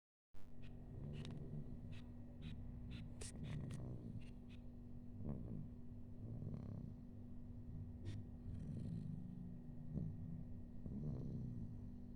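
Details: Infant snoring: low, rattling snores with each breath from a sleeping baby, against a steady room hum.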